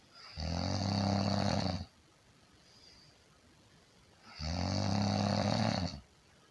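Two long, loud rattling snores with quiet pauses between them, about eight to ten breaths a minute; typical snoring.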